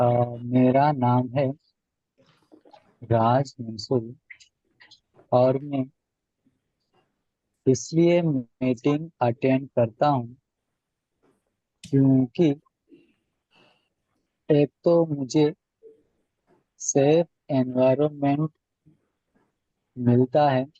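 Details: Adult male member of an Indian stammering association who attends meetings to practise his techniques; long pauses consistent with blocks; stammering.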